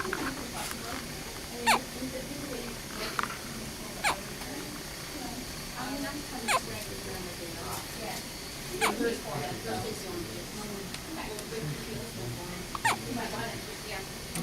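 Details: Child with hiccups: sharp brief hiccup clicks about every two seconds, roughly seven over fourteen seconds, over soft background talk and room noise. Hiccups.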